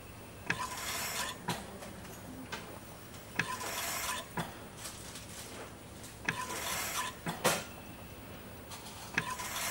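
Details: Ventilator sound effect: rhythmic airy whooshes with a faint tone and clicks, the cycling sound of a mechanical ventilator.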